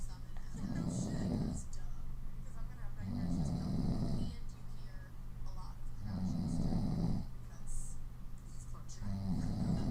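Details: Woman sleeping on her stomach: regular low rumbling snores about every two seconds with soft puffing of the lips on each outward breath; snoring with lip blowing.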